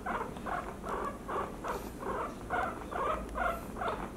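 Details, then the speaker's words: Young female guinea pig with suspected traumatic chest injury (left lung fluid on X-ray, chest pain both sides) squeaks in about eight wheezy calls, two per second, during abdominal palpation checking for early pregnancy: pain vocalization. "so have a quick palpation you thumb and four fingers of course it should be early pregnancy but she's not very happy with"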